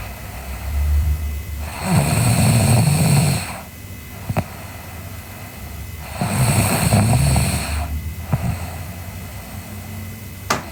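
Loud, rumbling snores on each breath in, about every four seconds, with quieter breaths out between them: ordinary snoring in sleep.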